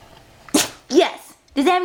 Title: Emmett sneezes for a walk